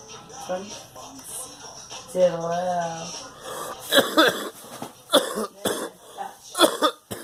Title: Coughing